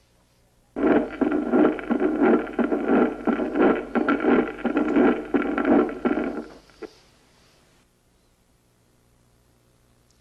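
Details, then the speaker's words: Heart sounds at about 87 a minute in mitral stenosis: rigid leaflets give a sharp, loud, brilliant first sound on closure and an early diastolic opening snap. "la rigidez de las valvas hace que se comporten como vela de barco al viento chasqueando hacia arriba al cerrarse dando el primer ruido brillante y hacia abajo al abrirse y dando el chasquido de apertura escuchémoslo"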